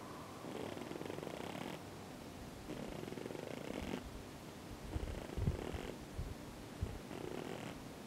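Soft, rhythmic, purring rasp with each breath, roughly every couple of seconds; snore-like breathing sound from a pigeon.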